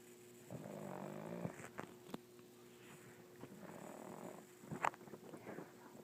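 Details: A sleeping pug snoring: soft snorting, rattling breaths typical of a flat-faced dog, with faint room noise.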